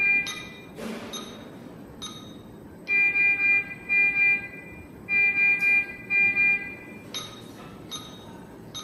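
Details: Repeating groups of three high-pitched electronic beeps with other tones in the background, from an intensive care unit monitor alarm.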